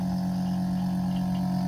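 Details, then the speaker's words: Steady motor hum and drone of an Oxymed portable suction machine (220 V, 90 W, 1-litre jar) switched on and running continuously for a suction demonstration. "इसको connect करेंगे power में लगाया और यहां से इसको on करेंगे"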